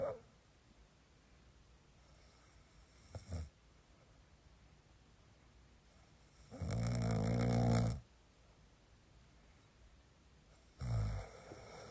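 Three loud, rough snoring breaths separated by quiet pauses in a still room; ordinary snoring.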